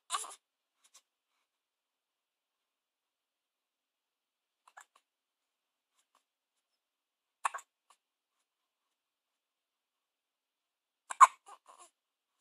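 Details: Four brief, sharp hic sounds separated by several seconds of quiet in a small room; hiccups.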